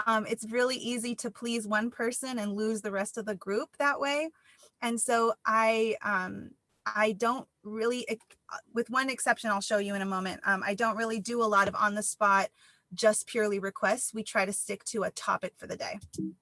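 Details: Adult woman speaking; normal speech.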